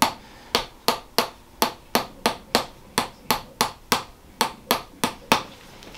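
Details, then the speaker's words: Instrument-assisted chiropractic adjustment at the base of the pelvis, patient with scoliosis: quick series of sharp, even clicks, about fifteen in six seconds, as a very light tap loosens stuck joints. "you can do a very very light tap in here what I'm doing is loosing up these joints in here because they sometimes they get a little rusty a little stuck"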